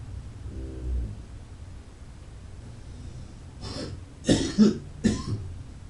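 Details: Adult man, described as a drinker and smoker, gives a brief throat clear followed by about three harsh, rough coughs in a quiet room; alcohol- and cigarette-associated cough with throat clearing.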